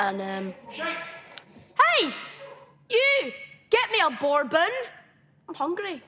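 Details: 12-year-old boy with Tourette syndrome, a genetic neurological condition, diagnosed in 2014, tics intensified after starting secondary school; tics shout insults and odd phrases; vocal tics (Tourette syndrome).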